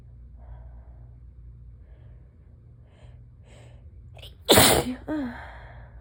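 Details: Sudden sneezing fit that started slowly and picked up: quiet room noise and faint breathy sounds, then one loud explosive sneeze followed by a short vocal sound.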